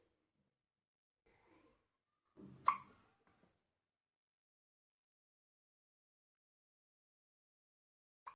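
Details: A baby boy's hiccup: a single sharp, brief catch of breath in a quiet room, with a faint second one at the end.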